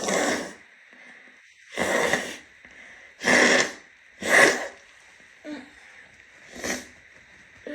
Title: sneezing, sniffles and noseblows